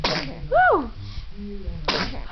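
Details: Young child sneezing: a small, sharp sneeze followed by a brief high squeal, with a mother's voice close by saying "bless".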